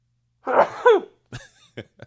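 An adult gives one sharp, voiced explosive burst with a falling vocal tail, then a few short breathy sounds: a single sneeze.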